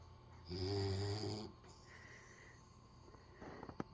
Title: snoring pup